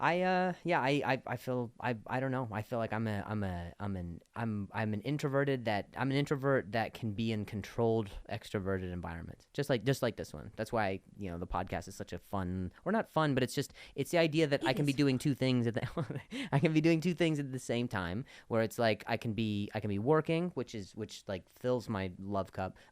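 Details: Adult male comedian who stutters, speaking on his podcast in conversation with a guest. Finding: stuttering.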